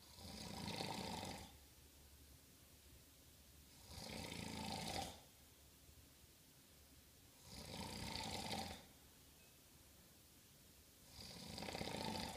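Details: Person snoring during sleep: four rasping snores in about 12 seconds with quiet gaps, roughly 17 breaths a minute.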